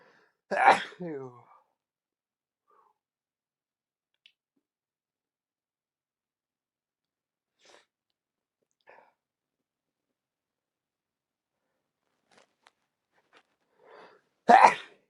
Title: Loud induced sneezes (nose blowing at the very end)